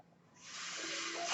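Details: Breath cycle of the speaker's own mechanical ventilator, audible in the background during a spoken podcast recording.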